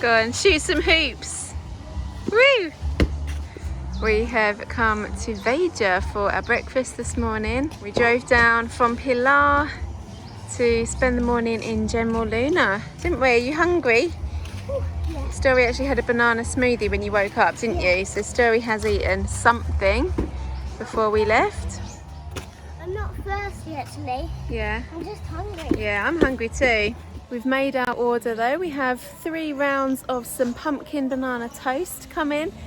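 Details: Adult speaker; normal conversational speech.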